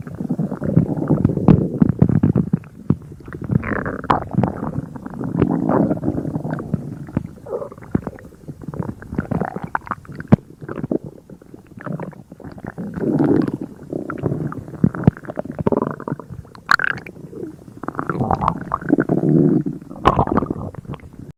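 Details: Loud, continuous low gurgling and rumbling from the stomach, active bowel sounds (borborygmi).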